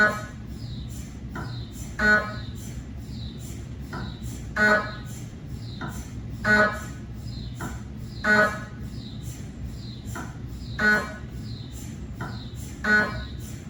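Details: Cardiac MRI sequence on a GE 3T scanner with 8-channel cardiac coil, test phantoms rather than a patient: loud repeating mechanical knocking and buzzing bursts about ten a minute over a steady hum; MRI gradient noise.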